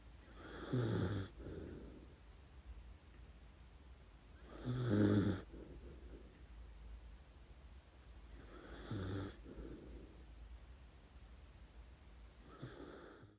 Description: Our dachshund Lady Ruby snoring through her dreams.